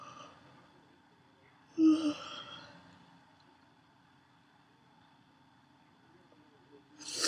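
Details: Adult woman gives one loud, harsh, barking cough with a faint whistling, wheezy edge, then quiet; wheezy barking cough.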